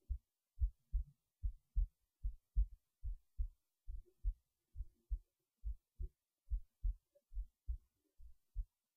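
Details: Heartbeat recorded while resting in bed late at night before sleep: soft, dull lub-dub thumps at roughly 70 beats a minute over silence, a normal resting heartbeat.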